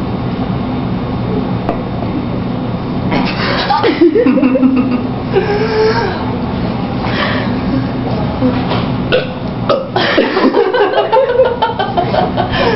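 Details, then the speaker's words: Voluntary burping in a burping contest: several loud, drawn-out belches over steady background noise and talk. "now we're going to try and see if we can burp at all"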